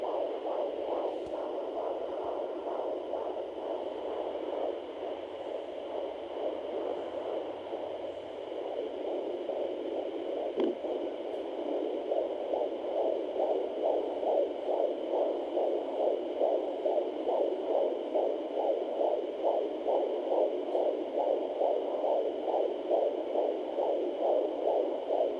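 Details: Sonoline home fetal Doppler at 21 weeks pregnant: rapid, regular whooshing pulses of a fetal heartbeat at roughly 140 bpm, about 138 bpm at the doctor's office.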